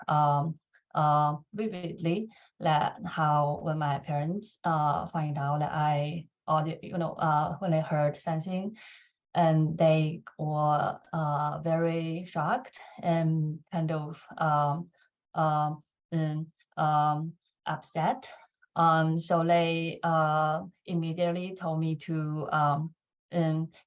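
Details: Adult woman who has stuttered since about age 5 or 6 and says she uses more filler words and pauses; finding: stuttering.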